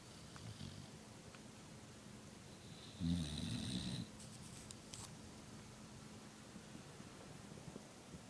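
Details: American Bulldog snoring while asleep: one low snoring rumble over steady background hiss, with faint clicks.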